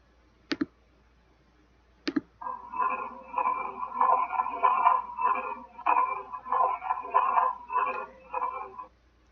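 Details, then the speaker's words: Continuous machine-like rumbling murmur at the left upper sternal border through both systole and diastole, unchanged between phases: classic patent ductus arteriosus. "hear that machinery sound it looks like something machines are working and also it's happening throughout the entire Sicily and diastole that's classic for patent ductus arteriosus"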